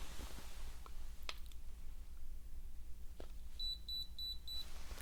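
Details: A simulated ASMR role-play exam: a forehead thermometer gives four quick, high electronic beeps in a quiet room, and the temperature is then read as 99.1, slightly elevated.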